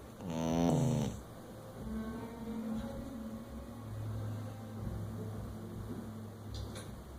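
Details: Dingo, a dog, sleeping deeply: a loud vocal snort, then low rumbling snoring breaths.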